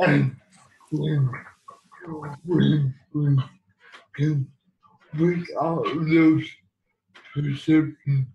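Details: Speech of a man who lives with cerebral palsy; dysarthria, though the speech disorder is not named.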